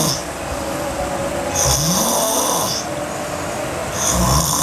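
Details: Sleeping girl snoring hard: two noisy snoring breaths over steady room noise, with a rough sound on each breath; snoring.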